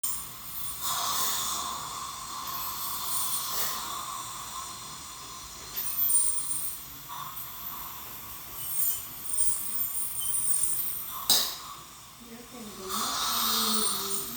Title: During dental cleaning my teeth